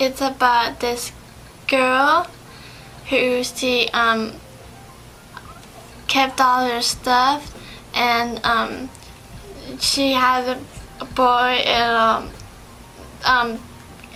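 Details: 17-year-old girl with aphasia in conversation with a therapist during communication-based speech therapy; aphasia.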